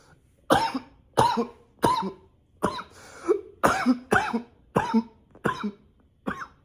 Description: this cough is nonstop...